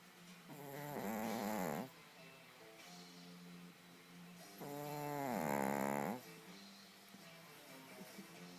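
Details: Sleeping dog snoring loudly: two long, tonal, whistling snores on the in-breath about four seconds apart, with soft nasal breathing between; snoring.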